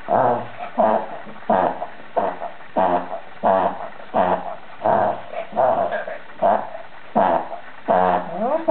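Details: Dog with reverse sneezing, recognised by the vet from this footage; attributed to irritation of the throat lining above the soft palate: a rapid run of loud, honking, snore-like inhalations.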